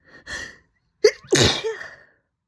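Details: Woman: a breathy inhale followed by two sharp, forceful sneezes in quick succession; sneezing.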